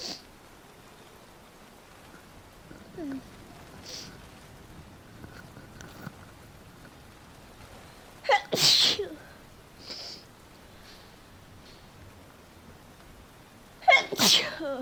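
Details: Sneezing after getting caught in rain: two loud, abrupt, explosive sneezes several seconds apart over a quiet background with faint rustling.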